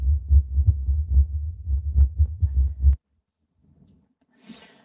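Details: Tracheal sound recording during sleep apnoea: regular paired low thumps of S1 and S2 heart sounds, about 71 a minute, during a breathing pause, then near silence and a brief breath.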